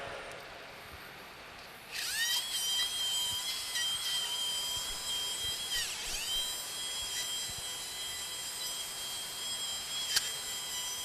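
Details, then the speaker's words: Steady high-pitched whine of a surgical drill, pitch dipping briefly under load, over faint room noise, while drilling the frontal process of maxilla (nasofrontal beak) laterally to widen the frontal sinus during a cadaver Draf III demonstration. "Lally you can drill till you reach the skin give Sal wash wash"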